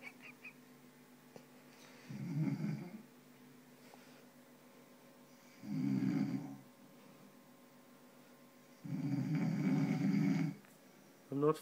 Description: Dad snoring with a microphone